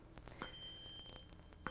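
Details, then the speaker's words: A normal Rinne tuning fork test in a neurological exam: a faint, steady pure tone between light metallic clinks, bone-conducted behind the ear, which the patient hears louder in front of the ear. "the other uh tuning fork test is called Renee test there we asked the patient to tell us where they hear the tone as it's conducted through the bone in the back of the behind the ear"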